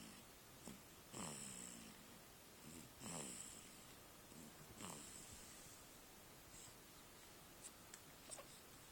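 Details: Loud rasping, snorting snoring breaths recurring a few seconds apart from a sleeping animal in a quiet room; snoring.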